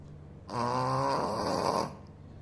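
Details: Snoring in a sleeping Shih Tzu dog: a single loud, drawn-out buzzing snore lasting over a second, in a quiet room.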